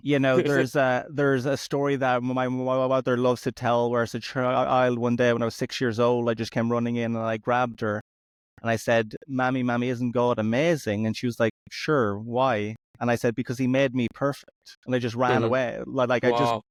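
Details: Adult male comedian who has stuttered since about age four, with first-sound repetitions in childhood and severe blocks from age 13; stuttering.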